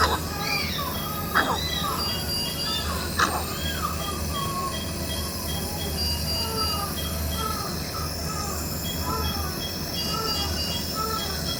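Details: Nebulizer running during a newborn baby's nebulization after suction, for chest care and cough: a steady low compressor hum with faint high squeaks and a couple of brief clicks.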